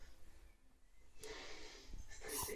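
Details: Dog reverse sneezing: after a quiet start, loud, harsh snorting pulls of air through the nose; stress is mentioned.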